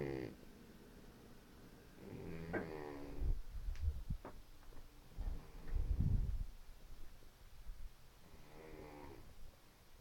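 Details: Low, rough, rattling breathing sounds in a quiet room from a sleeping cat; snoring.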